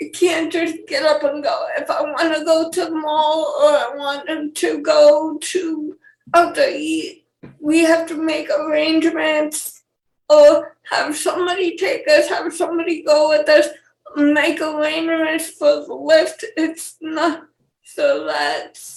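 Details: Dysarthria in a 28-year-old woman with cerebral palsy and cortical vision impairment; she has speech issues her fiancé lacks, and the host asks her to speak louder.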